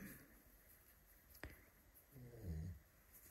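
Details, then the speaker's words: Faint, low rumbling snore from a sleeping dog in the background of a sewing session, heard once against quiet room noise with a brief click: snoring. "excuse the snoring dog in the background if you can hear that laughs oh Gidget"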